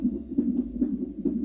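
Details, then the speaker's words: Fetal heartbeat on a clinic fetal monitor that also tracks contractions, during monitoring of a pregnant woman before delivery; she has pregnancy problems needing continuous monitoring. Rapid soft whooshing pulses, about two to three a second. "وهنايا البنات، هنا المونيتو، ما عرفتكم واش غتسمعوا دقات القلب ديال المولود ولا لا."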